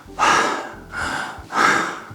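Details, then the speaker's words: Soft, slightly rough breath sounds repeating in quick succession, an imitation of normal noisy breathing during sleep, when the airway is about 30% narrower than when awake. "자는 옆사람의 모습은 아주 정상적인 겁니다 왜냐면 기도가 깨었을 때보다 30% 좁아져 있으니 공기가 들어갈 때 약간 거친 소리가 나는 건 정상입니다"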